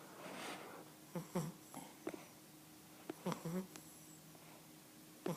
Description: My 11 week old Cavalier King Charles Spaniel puppy snores!